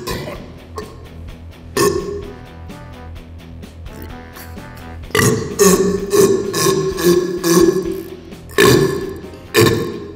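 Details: Burping championship: a series of loud, deliberate burps, including long sustained belches, over background music.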